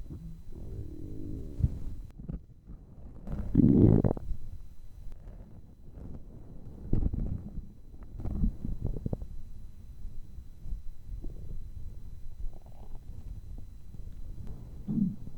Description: I recorded the hunger sound of my stomach for the first time in a long time!